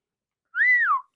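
A single brief rising-then-falling whistle, a sudden involuntary vocal tic of Tourette syndrome.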